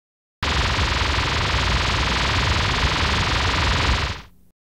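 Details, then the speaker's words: Simulation of severe tinnitus: a loud, constant roaring hiss that fills the clip and then cuts out, depicting ringing that never stopped after a gig. "and having a ringing in my ear afterwards, which I thought was just part and parcel of going to that gig, of course, one day that ringing never stopped."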